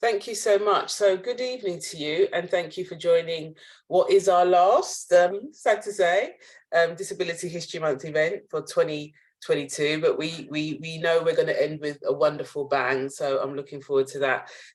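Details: Adult woman speaking; normal speech.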